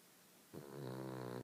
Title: How loud can one little dog snore??